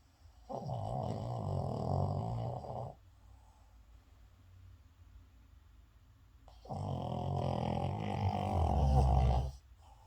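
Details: Brody, a sleeping dog, snoring: two long deep rattling snores on breaths in separated by a quiet breath out; snoring.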